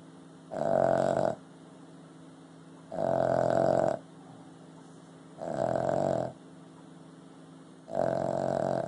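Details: Four loud, honking snores about 2.5 seconds apart, near 25 a minute, from a sleeping Boston Terrier, a short-nosed breed; ordinary snoring.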